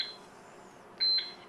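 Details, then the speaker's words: Short high-pitched electronic keypad beeps over quiet room noise as a Baxter infusion pump is programmed: secondary rate set to 150 mL/hr for a 50 mL pharmacy bag, then secondary volume to be infused entered. "we hit secondary rate we'll put in the rate 150 put in secondary volume to be infused"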